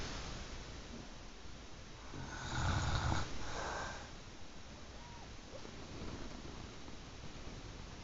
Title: C@ and Tolsi. Snoring in surroundsound.